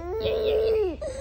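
A single short infant cry with a clear, strong voiced wail and falling end; an ordinary crying sound.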